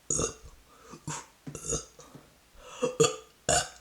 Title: Gurgle Burps